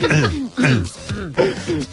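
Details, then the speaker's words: An adult man imitates a colleague's subtle, phlegmy throat clearing, an attempt to do it quietly: a few short voiced grunts over about two seconds. "It was he tried to, you know, very subtle, like, clear his throat. It was like... He was trying to do it quietly."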